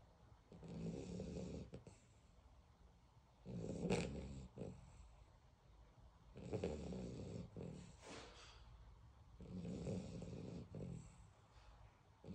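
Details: Beagle puppy sleeping and snoring: soft, snuffling snores in a regular rhythm, about 20 breaths a minute, with short snorts between them.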